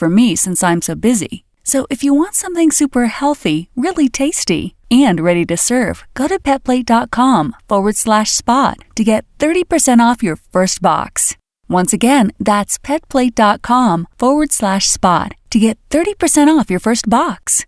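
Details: Adult woman speaking; normal voice.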